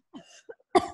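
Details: In an acted skit, a child pretending to be sick before a Zoom class gives a brief cough: a soft throat sound, then one sharp, harsh burst.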